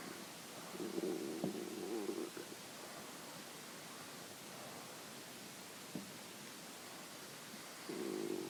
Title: Early morning stomach growling